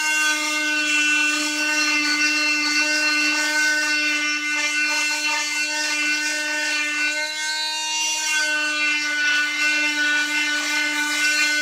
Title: cast removal